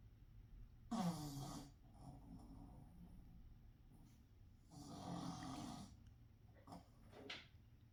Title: Pug Snore Sounds Louie The Pug